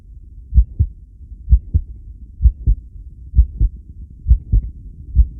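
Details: Heart sounds recorded during a long breath-hold (10 lead, subject B1): steady paired lub-dub, about 65 beats a minute; heartbeat during breath-hold.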